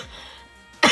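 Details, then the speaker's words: Adult with a chronic cough and repeated night-time cough attacks, unrelieved by medicine taken two hours earlier after a doctor visit: quiet background with faint tones, then one abrupt harsh cough burst, cut off. "so I know that for a fact that it's not working with my cough because I've been take I took it like two hours ago and still the same"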